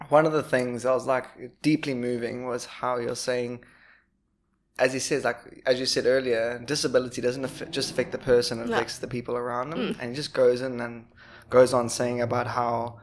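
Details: Adult speaker; typical speech.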